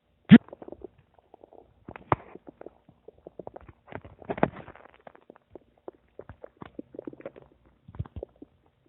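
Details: Stomach rumbling (borborygmi): irregular gurgles, pops and bubbling squelches in scattered bursts over quiet gaps, from gas and fluid moving through the gut.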